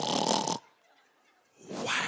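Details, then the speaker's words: Imitated snoring performed by a stand-up comedian on stage as a joke; not real sleep snoring. "I've never hurt myself snore but I'm pretty sure it sounds like this"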